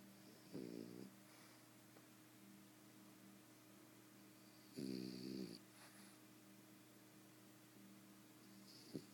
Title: snoring.MOV